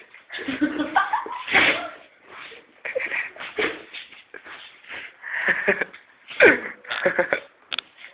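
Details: Retriever dog with a cold: series of abrupt, forceful nasal bursts one after another; repeated sneezing.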